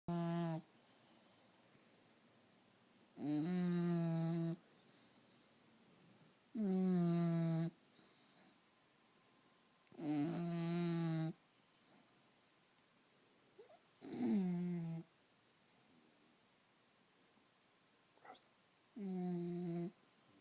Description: My 6 month old bulldog snores like crazy